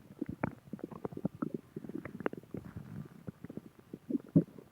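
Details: Bubbling, gurgling rumbles in quick irregular bursts; normal stomach growling (borborygmi) from gas and fluid moving through the gut.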